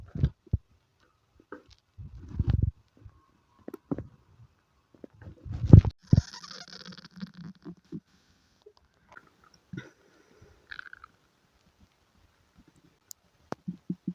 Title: Stomach noises, Diarrhea and farts :3